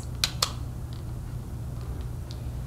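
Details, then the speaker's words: Two sharp plastic clicks over a low room hum as a Diskus dry powder COPD inhaler is pulled shut by the thumb grip after use, in an inhaler technique demonstration. "when you are done with the discus place your hand finger in the thumb grip pull towards you all the way until it clicks"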